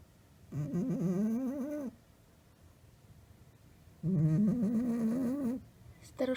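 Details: A sleeping Maine Coon cat gives two long, droning, tonal snores about four seconds apart, with quiet breathing between them, in a small room.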